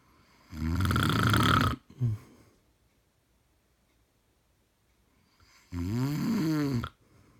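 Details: Snoring: two loud, rough inhaled snores, the second with a wavering, groaning pitch, separated by a long quiet pause.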